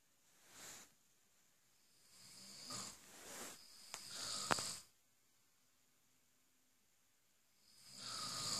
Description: This guy is king of snoring